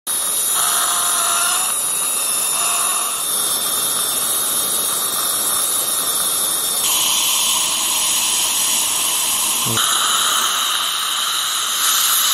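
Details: Dental drill preparing a tooth cavity for a filling: loud high-pitched whine with hissing air and water spray, changing pitch.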